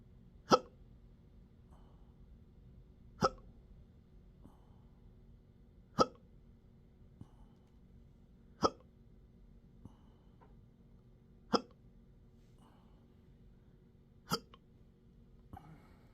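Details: Self-recorded intractable hiccups with belching, choking spasms and developing achalasia since December 2015, now 12-hour episodes up to 7 days a week: six or seven sharp, abrupt hiccups about every three seconds with faint breath noises between.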